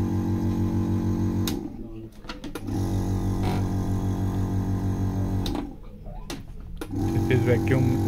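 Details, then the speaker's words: Biotronix vacuum therapy unit connected to an IFT machine, demonstrated with four vacuum electrodes: steady low motor hum with rapid rhythmic pulsing that drops away and returns in cycles; device running in pulse mode. "And this is the pulse mode. You can use the pulse mode to get the pulse of the"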